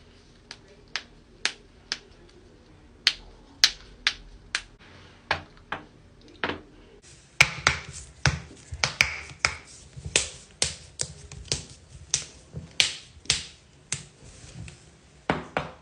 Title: joint cracking compilation